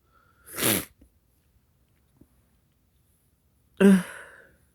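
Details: Sneezes deliberately induced with black pepper: two sneezes with a quiet gap, a sharp burst of expelled air, then a second with a short voiced start.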